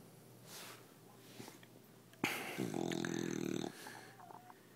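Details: 7-month-old bulldog snoring while held asleep in owner's arms: a loud, rough, rattling snort-snore with quieter breathing before and after.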